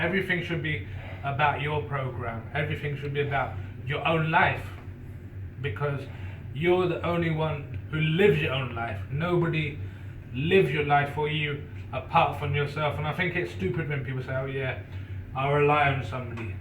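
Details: Person who stutters (stammerer) speaking in a video made by and for people who stutter; stuttering.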